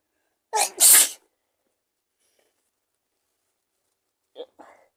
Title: Cold sneezes 🤧 see description!! 💕